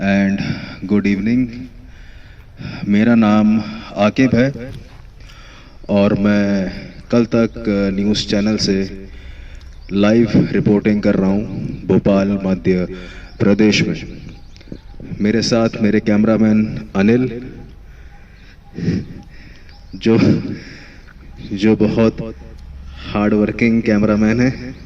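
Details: Student at a stammering therapy centre practising public speaking in a role-play, trained in breathing control, airflow and prolongation techniques; stuttering.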